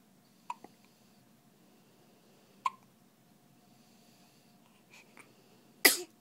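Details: Several brief, sharp hiccup catches a second or two apart, ending in a louder burst, from a baby in a quiet room; hiccups.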